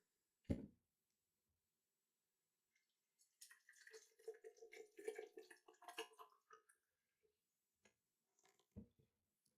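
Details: Electric ear wax removal kit with built-in irrigation: quiet splashing and trickling water with soft drips between pauses as water flushes the ear canal.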